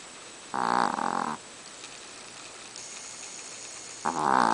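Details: Chihuahua in deep sleep snoring: two drawn-out, honking snorts separated by a quiet gap, over steady room hiss; loud snoring for a little dog.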